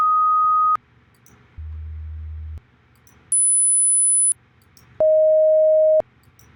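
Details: Student hearing test recording: four steady pure tones of different pitch, each about a second long, separated by silence; hearing test tones (audiometry).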